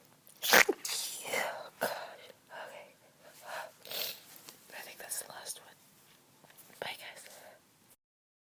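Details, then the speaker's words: Stifled sneeze from someone recovering from a cold with slight lingering congestion, sneezing after cleaning a dusty closet and trying to stay very quiet so sleeping housemates are not woken; the sneezes are very quiet. "I'm also kind of trying to stifle them because I got a request to stifle but I'm not very good"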